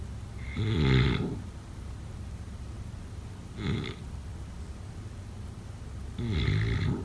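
Three low, rattling snores over seven seconds with quiet pauses between, in a faint noisy room; snoring during sleep.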